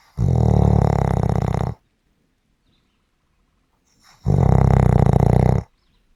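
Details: Two loud, deep, buzzing snores, each lasting over a second, with a quiet gap of about 2.5 seconds between them; heavy vibrating snoring.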